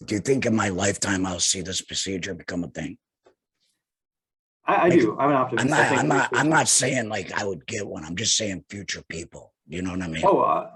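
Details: Adult male laryngectomee, total laryngectomy in 2020, speaking without a larynx; alaryngeal speech after total laryngectomy.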